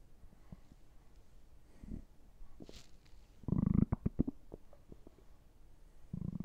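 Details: Ordinary stomach gurgling: irregular low gurgles and bubbling pops with a louder rumbling burst midway; bowel sounds (borborygmi).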